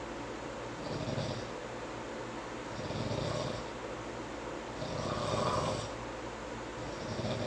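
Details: Male sleeper snoring and sleep-talking: rough, rattling snores on each breath in, about four in seven seconds, quiet breathing between.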